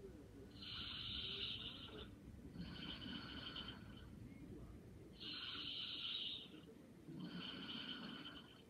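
Slow, even snoring of a sleeping adult, about two breaths in eight seconds, with a soft rasp on each breath in and out.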